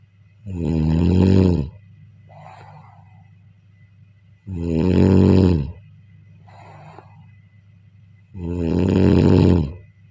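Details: Snoring during sleep: three loud, deep snores at about 15 breaths a minute, each followed by a soft, airy out-breath.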